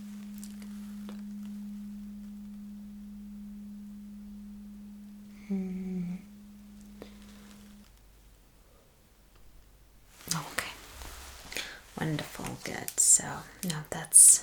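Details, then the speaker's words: Acted, simulated Rinne hearing test in a cranial nerve exam roleplay: vibrating tuning fork placed on the bone behind the ear for bone conduction; steady pure hum fading slowly, then quiet speech. "So, I'm supposed to place this vibrating tuning fork right behind your ears. It's like um Okay. Uh it's more about this bone conduction."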